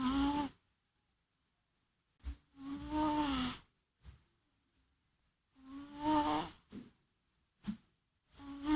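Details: Sleeping cat snoring: repeated tonal, whistling snores with short snorts, roughly 20 breaths a minute, separated by silent pauses.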